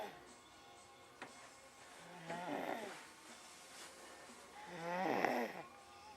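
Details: Snoring while asleep after a rough day with a sore tummy: two loud, rattling, vibrating snores on inhalation, about 24 a minute, with quieter breathing between, recorded in a darkened room.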